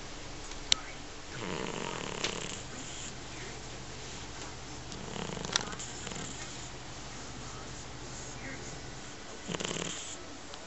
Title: Snoring - いびき